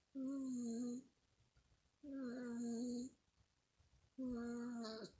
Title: Cat snoring